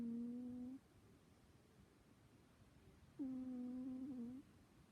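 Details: Snoring.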